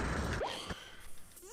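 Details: Brief sharp intake of breath followed by a quieter sighing exhale, from a speedrunning gamer during an angry outburst; gasping.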